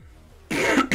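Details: Adult with a "half asthma attack" blamed on heavy, thick air gives a harsh cough burst followed quickly by a second shorter one after a brief quiet moment: a plain cough.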